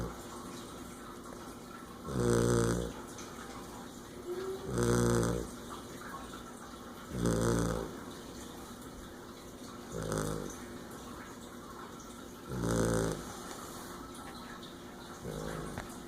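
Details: Rhythmic rattling snores on each breath, about six in sixteen seconds, over a steady background hum. Snoring.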